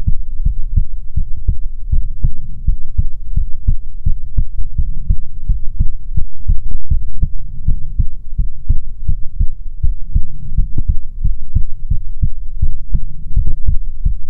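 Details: ASMR heartbeat recording, presented as soothing heartbeats from a female persona: loud, deep, muffled, steady and regular thumping under a low hum; normal heartbeat heard up close.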